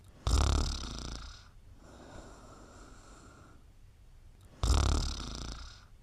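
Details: A sleeping animal, a mother, snores soundly: loud, rattling snores on each in-breath with softer out-breaths, about 14 breaths a minute.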